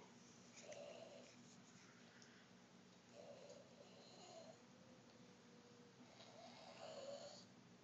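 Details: Soft, faintly whistling snores roughly every three seconds over a steady background hum; light snoring.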